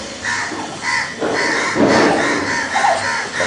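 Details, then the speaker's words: Baby with laryngomalacia: rapid breathing with a harsh, high-pitched, crowing inspiratory stridor on each breath in, with background noise. "And with which is noise, so it's looking like a stridor."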